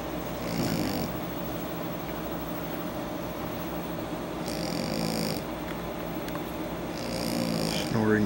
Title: Shar pei - Zeus snoring